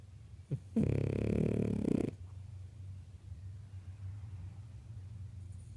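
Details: Snoring from Zoe, a sleeping dog: a low rumbling snore lasting over a second, then quiet breathing.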